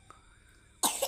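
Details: Young child's cough: a near-silent stretch with a faint tone, then one abrupt, harsh cough burst at the end; the child has been coughing repeatedly.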